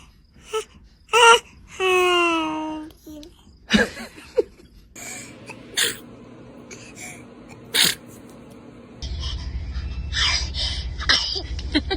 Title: A child sneezing